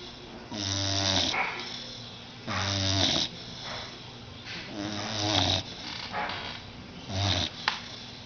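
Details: Blue nose pit bull, about 6 months old, sound asleep on a sofa just after a bath: loud, deep, rattling snores on each breath, about four in eight seconds; snoring.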